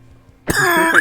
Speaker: that sounded demonic. Yeah, the first cough was straight into the microphone.